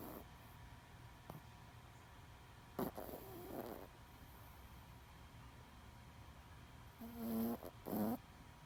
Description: My little 10 pound chi snores so loud 💜